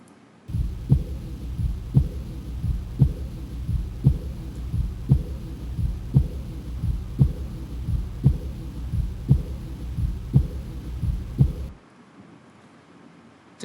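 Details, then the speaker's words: Auscultation at right second intercostal space, parasternal border, in a rheumatic heart disease teaching case with diffuse heaving apex beat and normal JVP: regular beat about 57/min, discrete soft blowing sound after S2; early diastolic blowing murmur. "Is it a normal sequence of heart sounds, or is there an additional sound? Additional sound. Additional. After S2. S2."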